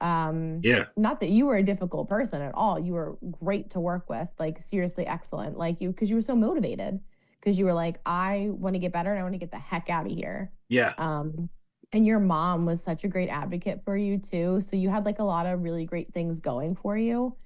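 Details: Adult woman speaking; normal speech.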